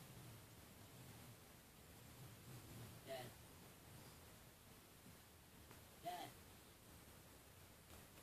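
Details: Normal breathing of a sleeping Scottish Fold kitten lying on a pillow: soft, faint breaths about every three seconds, each with a slight nasal snuffle, over a steady hiss.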